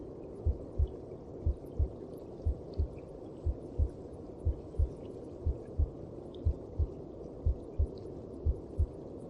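Regular paired low thumps at about 60 beats a minute over a muffled whooshing background; a steady heartbeat as heard from inside the womb.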